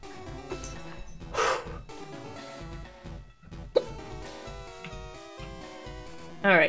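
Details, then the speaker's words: Several sudden, sharp vocal bursts from an adult woman through steady video game music while live-streaming Pokémon LeafGreen; hiccups. "I can't believe I got the hiccups on stream. I'm dying. I'm like dying inside. And on the outside. And in my lungs where the hiccups are."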